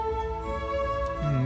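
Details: Gentle orchestral string music at full, clear volume, played in a hearing-loss lecture as the normal-hearing reference before the moderate and severe hearing-loss versions of the same music.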